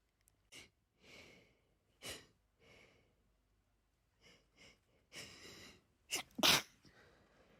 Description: tonight I’m treating you with a longer video than usually :) I just couldn’t stop sneezing after being outside all day